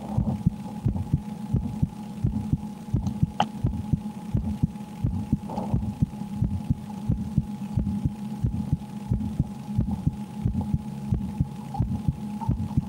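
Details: Soft, steady heartbeat thumps at roughly 88 beats a minute under a constant low hum and faint game sounds, recorded from a woman in fear while she plays the Slender horror game.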